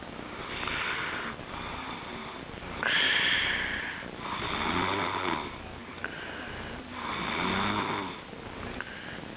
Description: Impossible to be so comfortable that you sleep (& Snore) in a position like this?!